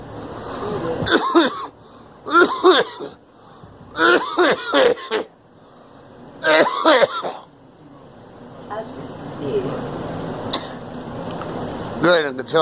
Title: Girl coughing